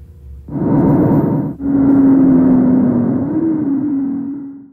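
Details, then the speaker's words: Real wheeze: two breath sounds with a sustained musical tone in the longer second phase, likely expiration; airway narrowing or obstruction, mostly expiratory, sometimes inspiratory. "wee is a sound that is heard in the airway and is typically caused by narrowing or obstruction it is mostly heard on expiration but may also be heard on inspiration"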